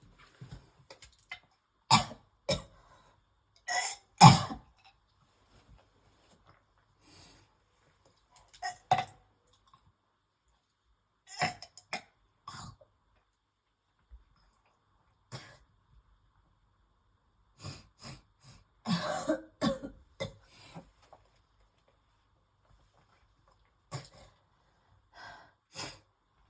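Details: Adult with worsening asthma, coughing while brushing teeth until nauseated: repeated bouts of harsh coughing and throat clearing, an asthma-related coughing fit.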